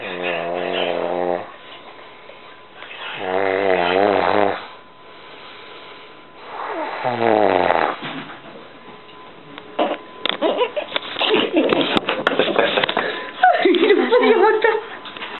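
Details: Son-in-law snoring: loud, buzzing, tonal snores on each in-breath, separated by quiet out-breaths, then more ragged, snorting breathing; heavy snoring.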